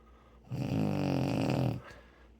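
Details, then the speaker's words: An adult woman snores while asleep: a single loud, low, rattling snore lasting just over a second, with a harsh buzzing quality in a quiet room. "There's a damn chainsaw over there. It's revving up. Can you hear it? Hear that chainsaw?"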